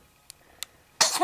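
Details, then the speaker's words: Dog just after its bath: a couple of faint clicks, then a sudden sharp, hissing burst of air in a quiet room; single sneeze. "bless you. Sneezing is funny."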